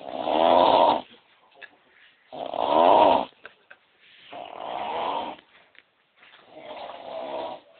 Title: 4th of July Snoring